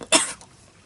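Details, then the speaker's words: Adult with long-standing asthma whose condition has recently worsened: a single short, harsh cough with a brief fading tail. "もともと体質的に喘息も持っているんですが、ちょっとこの度、さらに調子を悪くしてしまいまして、良くなるまでちょっとお休みしようかと思います。"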